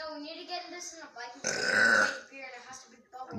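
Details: A deliberate burp after drinking Mountain Dew soda with a friend: a long, loud, rough belch of about half a second that breaks into casual talk.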